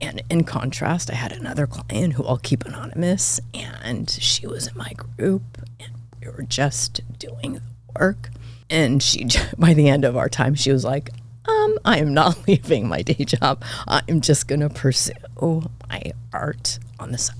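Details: Adult woman with spasmodic dysphonia diagnosed this year, involving vocal cord spasms; she attributes it partly to voice overuse from podcast hosting and to stress, and it seems to be occurring during this real recorded interview: spasmodic dysphonia.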